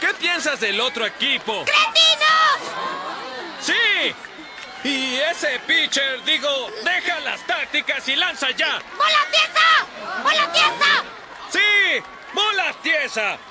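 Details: Adult actors in a film; no speech disorder.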